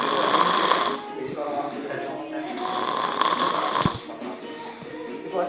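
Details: Loud, rough, rattling snores repeat in long bursts, possibly from more than one sleeper at work, over room noise and faint music: snoring.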